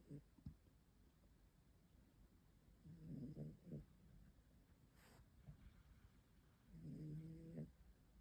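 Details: A kitten or cat snoring.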